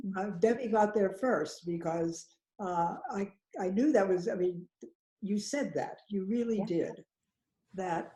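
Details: Adult woman speaking; aphasia.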